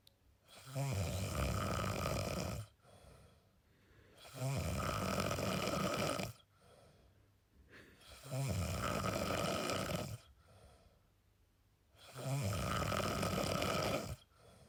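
Loud, rattling snores on each breath in, four in about fifteen seconds, roughly 16 breaths a minute, with quieter breaths out between.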